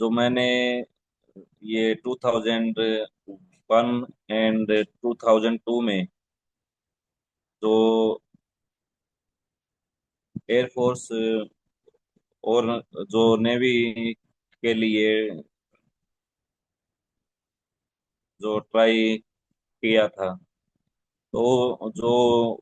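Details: Adult man who already stammered in 2001–2002, when a medical officer at Air Force and Navy recruitment advised him to take speech therapy; stuttering.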